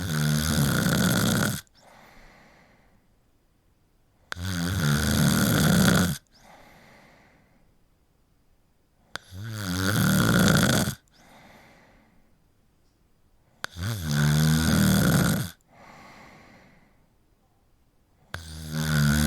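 Loud, rough, vibrating snores on each in-breath with softer out-breaths, about 13 breaths a minute; snoring.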